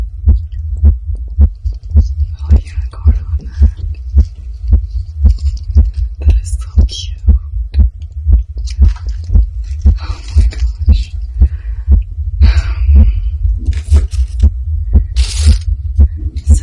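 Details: Adult woman's heartbeat from excitement while unboxing a reborn doll: rapid, regular heavy thumps with rustling and faint background noise. Her heart reportedly calmed after opening it. Fast heartbeat.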